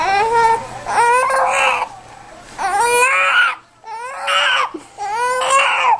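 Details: Baby with hiccups crying in repeated rising and falling bouts with brief catches of breath between them; infant cry.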